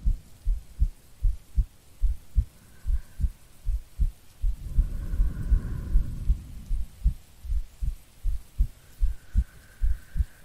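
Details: Regular, steady heartbeat at about 78 beats a minute with a brief rumble of rain or thunder partway, a woman's normal heartbeat in a no-talking ASMR sleep-aid recording.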